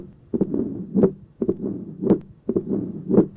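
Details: Tricuspid stenosis murmur, similar to mitral stenosis but best heard at the tricuspid area, intensity varying with inspiration and expiration.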